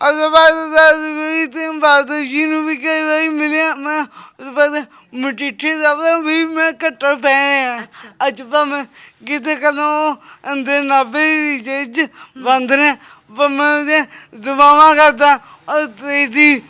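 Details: Young Sikh man with a physically disabled hand, unable to speak correctly since birth; his mother cannot speak or hear; stammering and impaired speech.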